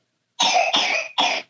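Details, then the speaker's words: Cough from one of two boys who are quarantined with their mother, who has all COVID-19 symptoms. The boys show no symptoms except a slight cough. "you can hear them cough there I have two boys and they're not showing any symptoms except for a tiny call"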